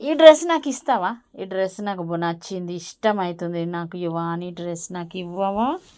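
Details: Young child speaking Telugu; ordinary speech.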